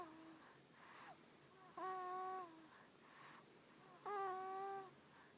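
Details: 6-week-old baby boy asleep in a parent's lap: whistling, musical tones with each breath, about 26 breaths a minute, in a quiet room; a snoring wheeze.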